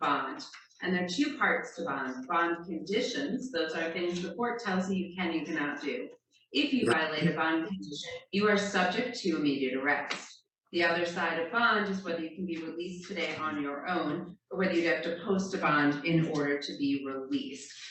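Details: Adult speaker in a courtroom; Normal speech.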